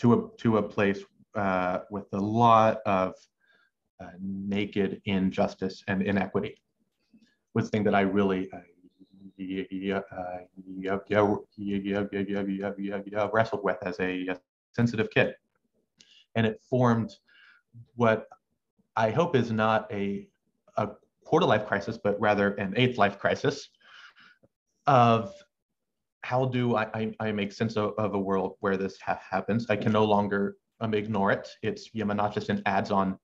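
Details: Adult male medical student who has stuttered since about age six, with uncontrollable pauses he has learned to mask; stuttering.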